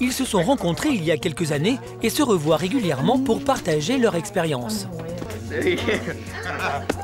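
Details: Adult narrator; ordinary speech.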